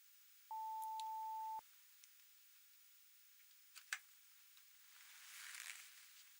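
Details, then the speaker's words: Simulated pure-tone audiometry test tone through headphones during a role-played ENT hearing test for clogged ears: a single steady pure beep of about a second, then quiet room sounds with light taps and rustling. "Vous vous souvenez de l'exercice où l'on lève la main du côté où l'on entend le son ? Bien. Ça devrait commencer dans quelques secondes."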